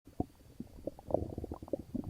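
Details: Upset stomach: frequent gurgling, bubbling stomach rumbles, hyperactive bowel sounds.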